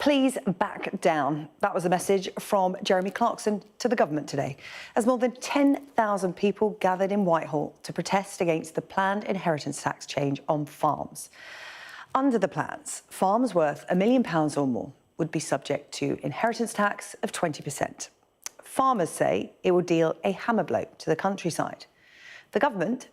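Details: Adult female newsreader; normal speech.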